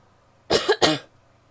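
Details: Two quick, forceful coughs in close succession from an adult woman; plain cough.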